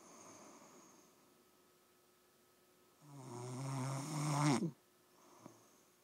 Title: Damn snoring goat